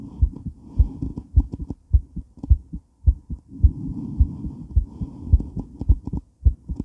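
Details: Female heart during and after weight training, recorded while moving: fast, strong, regular pounding heartbeat about 105 a minute with movement noise and heavy breathing; sinus tachycardia after exercise.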